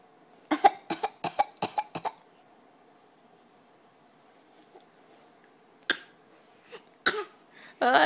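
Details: Child gives a quick series of short, deliberate fake coughs, then a few more single coughs; voluntary cough.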